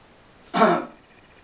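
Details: 49-year-old man with full-blown Tourette syndrome plus, who has vocal and motor tics; vocal tic (throat clearing).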